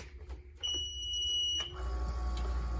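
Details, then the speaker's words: Invacare oxygen concentrator switched on: a switch click, then a steady shrill alarm tone about a second over motor rumble, the normal audible start-up alarm. "alarm is normal when you start up that's the audible alarm"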